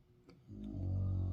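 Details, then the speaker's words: A deep, rumbling snore building as a sleeping bulldog breathes in, heard muffled through a closed door; the dog reportedly had nasal surgery before adoption, which the owner doubts worked. "like the snoring can you hear the story that is with the door closed that's with the door closed and you can probably still hear harley starring she sounds so loud"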